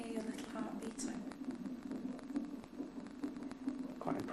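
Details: Fetal heartbeat on a labour monitor shortly before birth: rapid rhythmic whooshing pulses about 135–140 a minute, speeding up when the baby moves, then settling.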